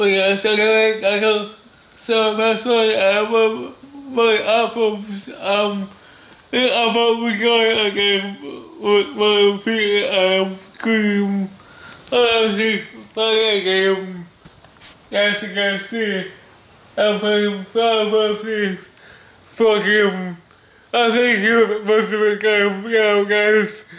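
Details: Male with cerebral palsy who describes having a speech disability; dysarthria due to cerebral palsy.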